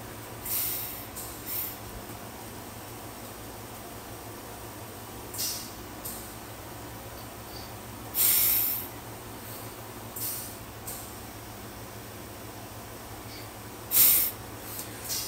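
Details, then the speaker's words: Adult with advanced pulmonary fibrosis (scarring over 70% of lungs) breathing through an O2 Trainer inspiratory resistance device, pulling hard while wearing an oxygen nasal cannula; breathy, hissing, slow, uneven breaths, about ten a minute. "it's you do 30 of those you may have to work up to it but it's exhausting because if you're pulling if you got a small hole that means you're really pulling hard"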